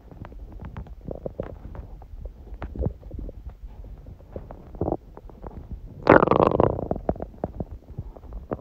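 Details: Hunger stomach sounds from an empty stomach, recording that also includes sneezing: gurgling, rumbling noises with irregular bubbling bursts and a louder surge; ordinary hunger borborygmi.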